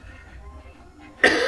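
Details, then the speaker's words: Adult man with a hoarse voice coughing a lot, from a cold caught in Danang that became rhinopharyngitis then bronchitis, seen by a doctor in Vietnam. "Je tousse pas mal."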